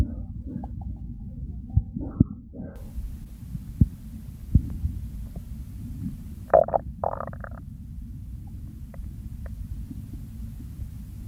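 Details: Hunger-phase stomach growls from a real person: low rumbling with scattered gurgles and a few brief squeaks; ordinary stomach and bowel sounds.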